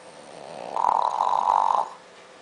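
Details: Snoring in a sleeping French Bulldog that sleeps with an object such as a bone in its mouth: a single drawn-out, honking snore lasting about a second.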